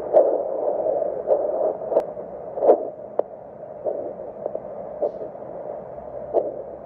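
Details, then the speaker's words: Normal pulsatile arterial flow: rhythmic whooshing pulses from a low-cost handheld vascular Doppler over facial arteries of a daughter, a device that can be used to check flow in suspected filler vascular occlusion versus bruise; a present signal shows the vessel is open. "you can check the pulses of those vascular structures and see if there is blood flow or not if there's a concern regarding bruise versus occlusion this might be your ticket"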